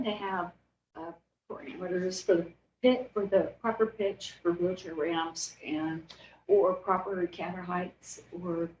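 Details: Adult woman diagnosed in 2020, about two years earlier, with spasmodic dysphonia and essential vocal tremor, with epilepsy diagnosed in 1989: spasmodic dysphonia with essential vocal tremor.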